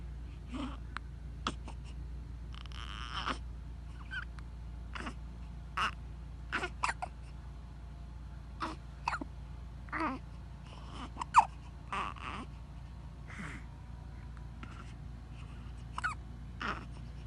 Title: Baby Hiccup and How to Deal With It